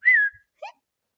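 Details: Person with tics producing a hum followed by a whistle; whistling vocal tic.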